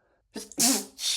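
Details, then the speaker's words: Male deliberately exposed to a lot of black pepper while cooking minutes earlier: a sharp indrawn breath, then a forceful, hissing sneeze burst among snorts and sighs; he can't stop sneezing. Pepper-triggered sneeze. "God, it gets tough. You can't stop sneezing."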